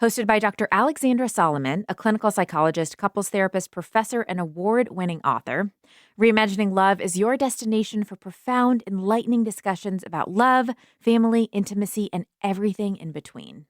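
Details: Adult woman; normal speech.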